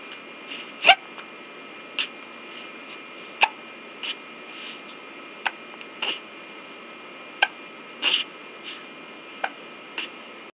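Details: Infant boy hiccuping during his baby talk in a chilly room: brief sharp catches about every 1–1.5 seconds over quiet room noise; hiccups.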